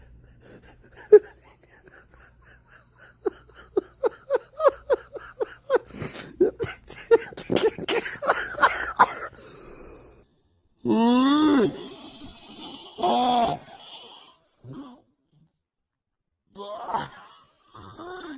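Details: Puppy (tags mention Jack Russell terrier and chihuahua) wheezing: rapid, squeaky, whistling breath sounds in quick bursts, followed by a few whiny tonal noises.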